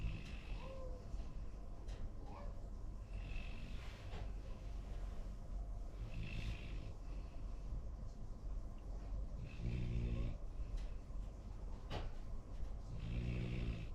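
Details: Low rumbling snores with each breath over steady room noise: a young Labrador–golden retriever mix dog snoring in sleep.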